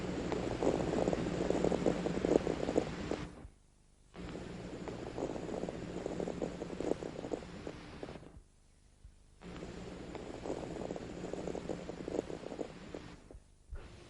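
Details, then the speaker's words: Atelectatic crackles at the lung bases: three deep breaths through a stethoscope with fine inspiratory crackling as collapsed lower-lobe alveoli reopen when the patient breathes deeply, with the diaphragms raised. "el paciente ha logrado despegar los alveolos los estertores este tipo de estertor crepitante despegamiento"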